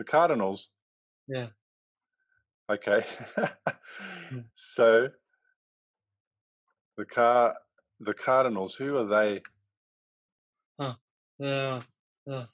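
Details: Male who had a stroke from a ruptured arteriovenous malformation at age 15 that left him in a coma; three years later he has post-stroke aphasia, with trouble getting words out rather than understanding: aphasia.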